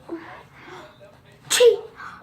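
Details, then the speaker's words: Deliberately faked sneeze performed in a comedy sketch on types of sneezers: a few spoken sounds, then one loud, hissing sneeze. "So let's get started with the loud one sneezer. Excuse me. The second type of sneezer is the rapid fire."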